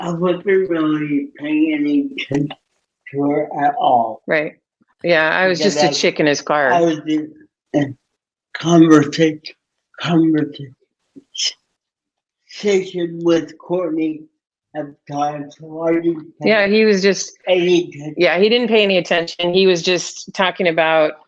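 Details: Dysarthria in an adult man with cerebral palsy from oxygen loss at birth, self-rated about 5 to 7 of 10 in severity, wheelchair user; speech impediment described as hard to understand, especially on the phone.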